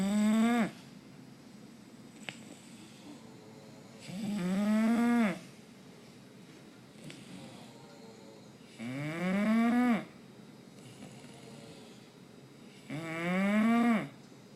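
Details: Bulldog snoring while asleep during Fourth of July fireworks: four drawn-out, rising, whistly voiced snores, about 13 a minute, separated by quiet pauses.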